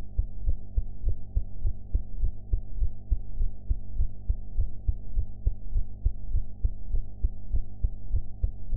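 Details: Own heart sounds recorded after eating ("blue"), audio quality enhanced afterwards: steady, regular low thumping heartbeat at about 100 beats a minute over a constant low hum.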